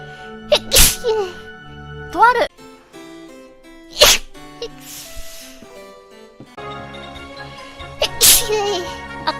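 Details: sneezing: Three sharp, explosive sneezes from a streamer during a live game stream, heard over background music and game sounds.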